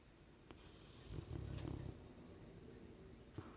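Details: Sleeping Rottweiler: a single low, fluttering snore in a quiet room.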